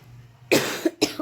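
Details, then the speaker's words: Woman with a slight cough affecting her voice, which she attributes to drinking cold water: cough. "आज मेरी आवाज है ना कुछ खांसी हो गई है थोड़ी सी थोड़ी-थोड़ी सी थोड़ी-थोड़ी सी।"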